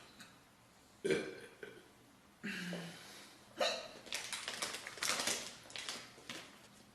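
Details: Girl burping compilation: several short throaty bursts and one longer low voiced burp, belching.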